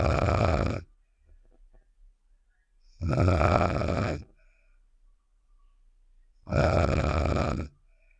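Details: Snoring sound effect of the cartoon character Star from Save The Shapes (simulated): three loud, rough, rattling snores spaced by quiet pauses, roughly 18 a minute.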